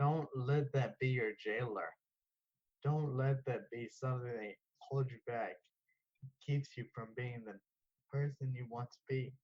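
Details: 34-year-old man diagnosed with Friedreich's ataxia at age 11; ataxic dysarthria.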